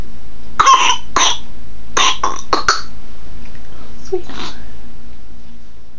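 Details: Infant aged 3.5 months with bronchiolitis: clusters of short, harsh, wet coughs, about five bursts, with steady room hum; wet bronchiolitis cough.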